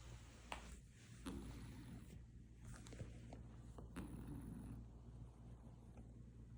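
A soft, steady low rumble from a resting cat, with a few faint clicks and light room noise: cat snoring.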